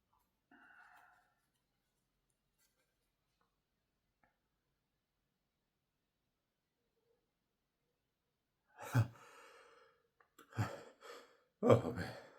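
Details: Adult inducing sneezes by tickling the nose with a bobby pin after snorting chinkini snuff: a soft sigh, a long quiet pause, then three sneeze bursts in quick succession, with a watery nose.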